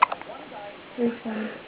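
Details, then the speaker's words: Infant girl who always gets hiccups after feeding, recorded early morning: a few brief, abrupt hiccup catches with quiet adult talk behind. "she's got the hiccups"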